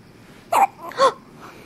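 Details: Baby's first hiccups: two short, abrupt voiced hics about half a second apart.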